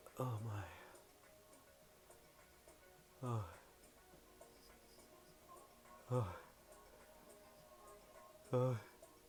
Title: The Sneezes